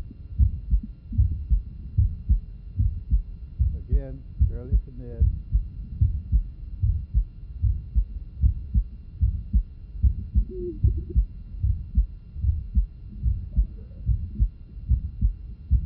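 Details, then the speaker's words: Regular heartbeat at about 75 per minute with a soft early systolic murmur at the lower left sternal border, brief faint background voices; innocent murmur. "And not uncommon in athletes. It is important to differentiate these from significant murmurs, such as those with aortic stenosis, hypertrophic cardiomyopa"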